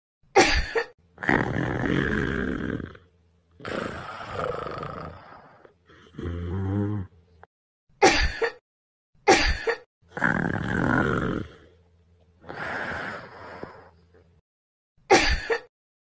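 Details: Loud, rough snores on breathing in from a sleeping boyfriend who is sick, with quieter noisy breaths between, somewhat irregular, in a quiet room; snoring during sleep.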